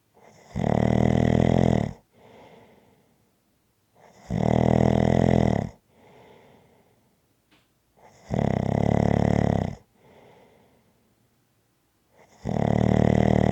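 Loud, rough snores on each breath in, softer breaths out, about 15 breaths a minute; ordinary snoring.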